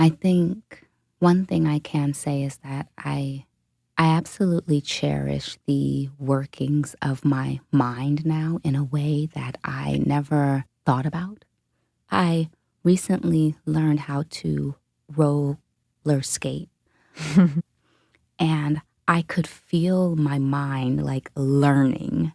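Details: Adult woman, a dementia caregiver, who states she has a stutter; stuttering.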